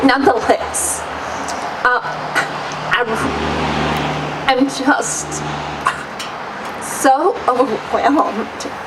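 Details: Adult woman whose doctor diagnosed essential tremor; real, unacted speech; voice tremor due to essential tremor.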